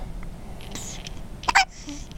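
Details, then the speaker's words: Infant (boy) with persistent hiccups while sucking a pacifier: a single short, sharp hiccup against quiet room noise. "I don't like those hiccups. If they weren't so cute."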